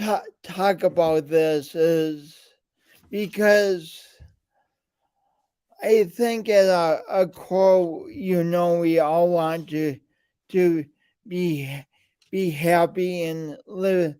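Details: Speech impediment present since birth, with coordination differences; still present in adulthood.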